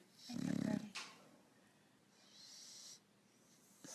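A single rattling, snorting snore on breathing in, followed by a softer airy breath out; typical snoring in a flat-faced dog.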